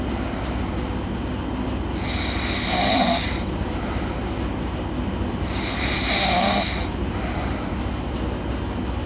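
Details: A girl snoring in her sleep: two long, loud, rasping snores, each about a second and a half, over steady background noise.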